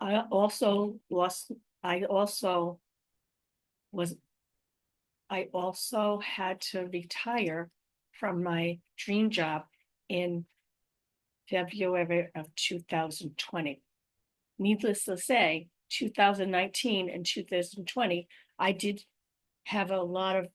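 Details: Adult woman with aphasia, apraxia of speech and dysarthria following a stroke in May 2019, describing her own ongoing communication challenges; aphasia with apraxia of speech and dysarthria.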